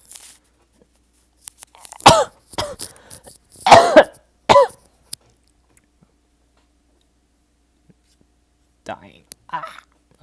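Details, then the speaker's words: Adult man at the tail end of a cold: run of short, harsh dry coughs with a throat clear, fading into quiet. "I'm on I'm on the back end of a cold. So, just getting just like all the dry coughs."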